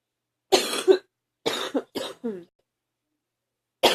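Four forceful coughs in quick succession, then the start of another; a hard, harsh coughing bout.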